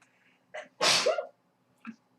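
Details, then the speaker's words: A short in-breath, then one sharp, explosive sneeze and a small exhale: an ordinary single sneeze during a live work session. "Sorry. Damn coronavirus. You'd be coughing, not sneezing."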